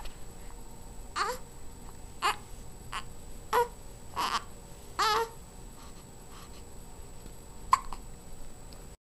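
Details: 13-day-old infant during tummy time: five or six short, sharp hiccup bursts about a second apart over quiet room noise.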